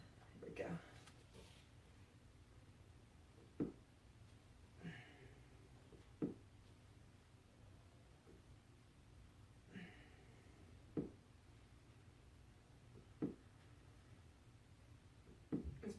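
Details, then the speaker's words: Adult during a floor workout with resistance tube, legs raising: series of brief sharp pops every one to two seconds from her hip, present for years: snapping hip. "That's my hip popping. I've been doing that for years and years and years."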